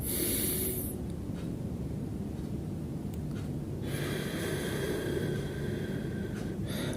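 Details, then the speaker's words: Deep breathing exercise demonstrated for a basic nursing course: inhale through nose, hold, then long, slightly whistling exhalation through pursed lips, over steady room hum. "hembuskan melewati mulut hingga membentuk mulut itu seperti membuat siulan."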